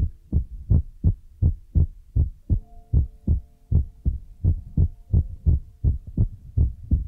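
Loud paired thumping beats at roughly 80 a minute, with a faint tone in the middle; a heartbeat sound used as a relaxation trigger.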